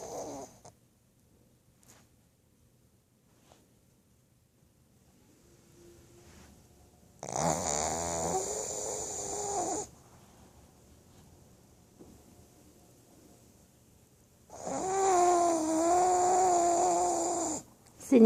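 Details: Loud, long, rattling snores from a sleeping pug, a few seconds each with quiet pauses between, while the owner tries to wake the dog for a walk; snoring.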